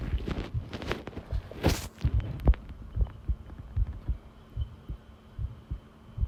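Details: Long continuous heart-sound recording: regular low thumping heartbeat at about 74 beats per minute, with some handling noise early on; normal heart sounds.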